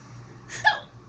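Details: Girl with hiccups; a single sharp, voiced hiccup against quiet room noise.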